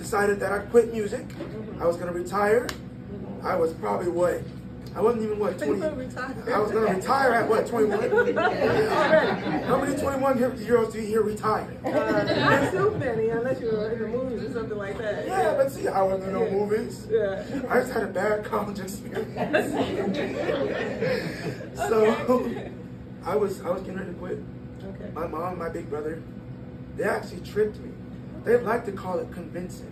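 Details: 22-year-old man born prematurely at about one pound, vocal cords still developing as he grew and still not closing all the way; breathy voice from incomplete vocal fold closure.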